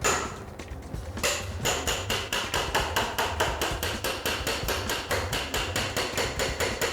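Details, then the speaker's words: Simulated total hip replacement on a model bone: rapid sharp surgical mallet blows, about two per second, driving a chisel to open a hole in the bone for the implant. "이렇게 한 다음에 이제 뼈에다가 구멍을 만들게 됩니다 망치와 정을 사용해서 자 또 시끄럽습니다"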